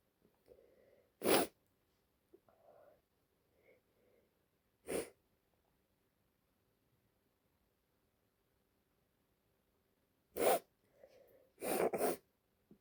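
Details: Five sharp, explosive sneezes, the last two close together, with soft breaths and sniffs between, from a female lying in bed feeling unwell, possibly getting a cold; sneezing.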